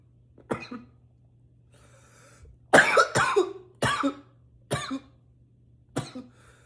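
Six harsh, forceful coughs, several in quick pairs, with quiet breaths between; intense coughing.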